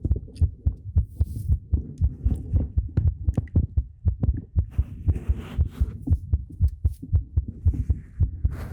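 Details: Steady, low thumping heartbeat at roughly 58 beats a minute with faint background noise, from a talking ASMR recording made with a 3Dio Pro binaural microphone.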